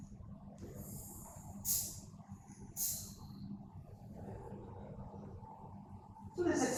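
A sleeping child gives loud, harsh snorting breaths in separate bursts, with quieter stretches between them and a steady room hum behind. This is obstructive snoring (stertor), a sign of upper airway blockage during sleep, as seen in childhood obstructive sleep apnoea.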